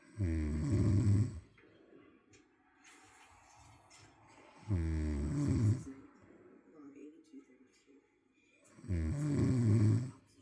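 Three loud, rough, low-pitched snores on breathing in, about 14 a minute, with quiet breathing between them. Ordinary snoring.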